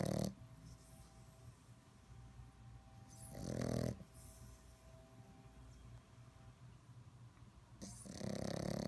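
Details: A sleeping puppy snoring, with loud rumbling bursts about every four seconds and quiet between them.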